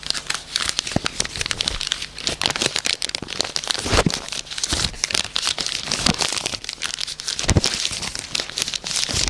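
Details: Imitation of crackles (rales) given in a homeopathy talk on cough, about a remedy for fluid accumulation in the chest.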